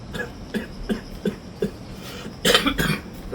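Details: Acted cough in a Korean skit mentioning COVID: a rapid run of short, light coughs ending in two louder, harsher coughs.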